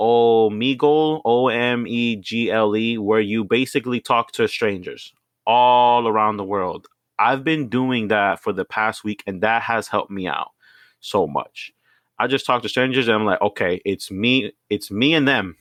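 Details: 29-year-old Venezuelan-born bilingual (Spanish/English) man with stuttering; he is the only stutterer in his family as far as he knows, had no school speech therapy, and is currently in speech therapy practising by talking to strangers.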